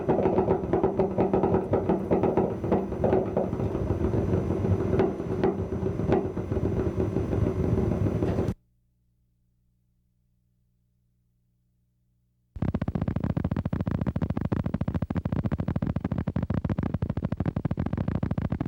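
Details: Needle EMG: high-amplitude, long-duration motor unit potentials from enlarged motor unit territory through reinnervation of denervated muscle, which become obvious at least several months after nerve injury.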